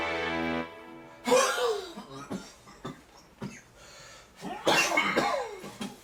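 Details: Several harsh cough bursts with throat clearing after a brief musical note, from a staged satirical short film about a neighbour's snoring; acted, not a real patient.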